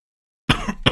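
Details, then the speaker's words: A brief cough, then a short second burst, from an adult male audiobook narrator who remarks that he is coughing: cough. "okay now let's get into the story because i don't think i can go on like this for much longer you already hear that i'm coughing you know"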